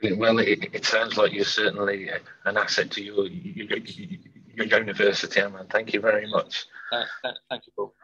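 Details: Real stammering in an adult man who says he stammers and stammers openly; stammering.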